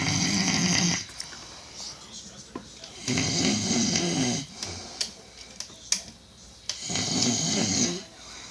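Loud, harsh, rattling breath noises recurring about every three seconds, with quieter gaps between, typical of heavy snoring.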